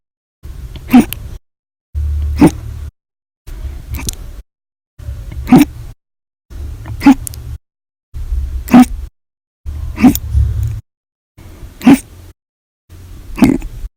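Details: Nine sharp, abrupt gulping hiccups about every 1.5 seconds with low hum between; violent, loud hiccups, audio only; repetitive hiccups.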